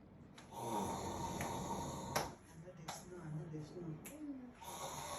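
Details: Loud, rough snoring with snorting breaths from a sleeping husband, several cycles in a few seconds, in a small quiet room; heavy snoring.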